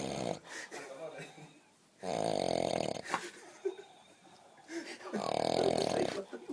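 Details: Person sleeping outdoors at El Rocío, in a forest, keeping others awake: loud rattling snores about every three seconds with quiet room noise between them. Snoring.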